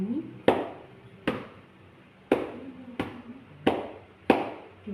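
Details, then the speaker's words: Chest physiotherapy on a woman: gentle percussion with a cupped hand over the back above the left and right lungs, six hollow clapping thumps about one per second, to loosen secretions, followed by vibration. "eh perkusi yang di mana tangan kita menepuk seperti bentukannya seperti mangkok Lalu kita menepuk jangan terlalu kuat kita menepuk secara perlahan-lahan"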